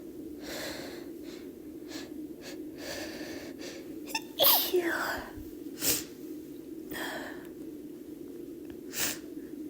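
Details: Female giving deliberately induced sneezes: breathy, catching build-up inhalations followed by a few high-pitched sneezes over a steady background hum; ordinary sneezing.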